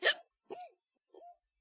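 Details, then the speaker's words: A streamer with hiccups gives three short, abrupt voiced hiccups about half a second apart, each a sharp catch with a brief rising squeak: hiccups. "I'm going to hick again come on where is it have I One V one the hiccups have I actually done it did I did did my trick actually work after the like fifth try"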